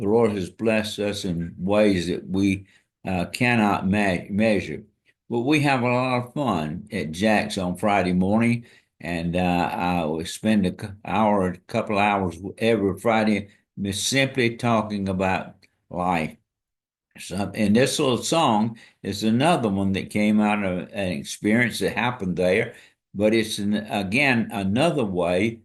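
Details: Dysarthria in an adult man with ALS diagnosed February 2024, after earlier diagnoses of Parkinsonism, Parkinson's disease, spastic paraplegia and primary lateral sclerosis; his speech and walking are failing, and hand use is limited.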